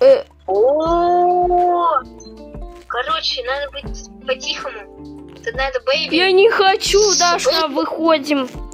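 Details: Child speaking; normal voice.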